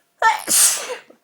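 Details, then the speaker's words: A single loud sneeze with a brief in-breath before the burst, from a dust allergy, while trying to talk through sneezes. "so far I'm not doing very good trying to talk well well needed sneeze"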